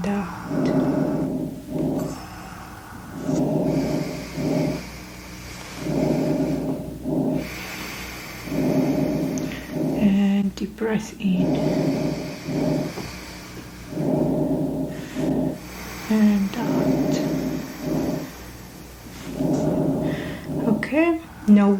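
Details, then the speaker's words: Simulated real-person medical roleplay exam: adult non-smoker with shortness of breath and chest tightness, stethoscope lung auscultation during slow deep breaths in and out; soft rushing breath sounds, no wheeze; normal vesicular breath sounds. "all normal sounds coming from your lungs and you indicated that you're not a smoker correct"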